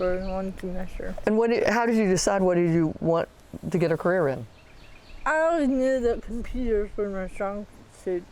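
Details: Two adults talking, question and answer; conversational speech.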